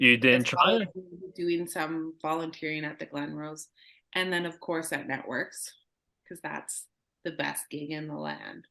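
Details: Adult speaker; no disorder.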